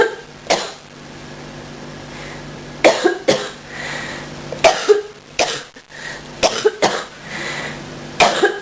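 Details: Repeated coughs from a person getting over a cold and bronchitis, at first trying to hold the coughs back.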